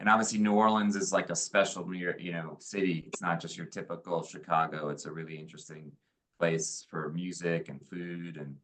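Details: Adult male speaker; normal speech.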